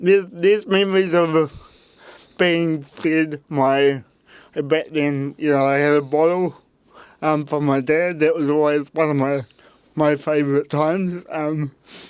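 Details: Dysarthria in a real adult man with cerebral palsy from birth; his parents were told at birth he would never walk or talk, and he had intensive therapy from birth to age six to help him walk and talk.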